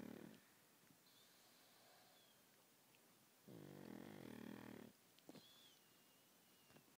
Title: The Reverend Tholomew Plague pug snoring